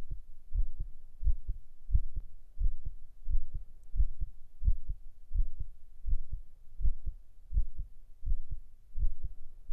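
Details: Steady low paired thumps at about 85 beats per minute, recorded binaurally: a regular normal heartbeat.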